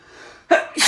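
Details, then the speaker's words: Quick gasping in-breath then one forceful sneeze, induced by Chhinkni; part of an induced sneezing fit. "Phew. Oh. Phew. Wow. So strong. Phew. Wow. Whew. I didn't expect them to be that strong."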